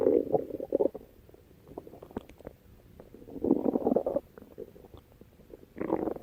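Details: Stomach growling (borborygmi) with music in the background.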